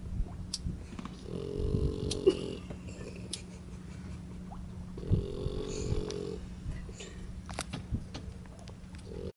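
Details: Bruce, a 5-month-old, snoring loudly while asleep on a sailing boat: two low, rattling snores on the in-breath over steady engine and water noise.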